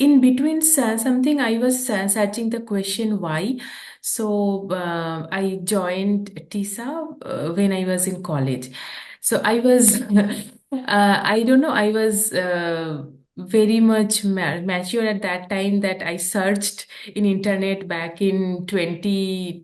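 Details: Adult woman who stammers, a real speaker, speaking English while translating a poem; stammering.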